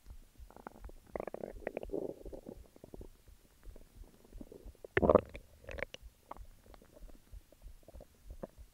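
Irregular gurgling and rumbling bursts with one louder gurgle midway; stomach growling, ordinary bowel sounds.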